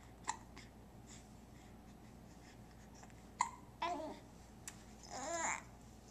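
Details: Infant lying on a play mat in a quiet room, with a few brief, abrupt hiccup-like catches among soft baby vocal sounds: hiccups.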